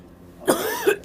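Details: One short voiced cough or throat-clearing burst from an adult who says they are losing their voice.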